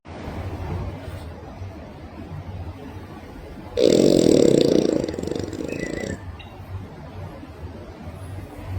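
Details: Sleeping dog snoring while raising its paw mid-snore: a single loud, rough snore lasting about two seconds, rising out of quieter breathing; ordinary snoring.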